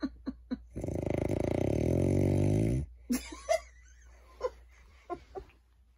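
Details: Male sleeper (claimed not to snore): a long, drawn-out buzzing, rattling breath followed by several short snorts; snoring.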